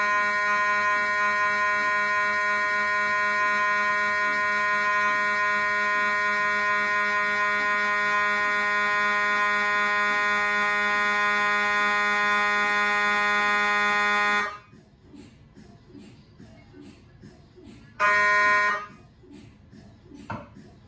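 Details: MRI scanner noise recorded inside the scan room from a GE 1.5T or 3T system: a loud, steady electronic buzzing gradient tone for about fifteen seconds, then quiet with a brief repeat burst.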